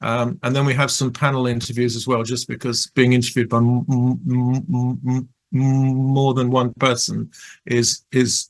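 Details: Person who stutters, reporting fear of stuttering and blocking; stuttering.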